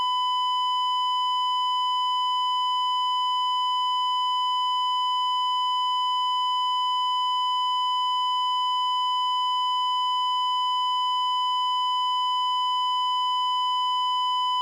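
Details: Cardiac monitor flatline alarm (asystole) from a sound effects library: a steady, unbroken high beep tone signalling no heartbeat.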